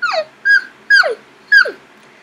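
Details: Squeaky vocal tic in a young woman with Tourette syndrome.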